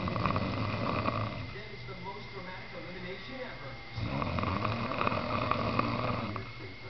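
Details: Male snoring while asleep on a couch: two long, loud, rumbling snores with quieter breathing between them, in a noisy room.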